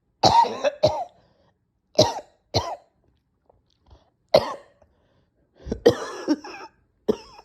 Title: Nasty coughing and choking